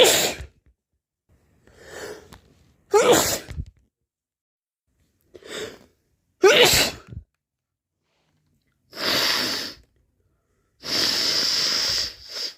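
Series of forceful sneezes, some with a sharp inhaled lead-in and others muffled and wet, during a cold.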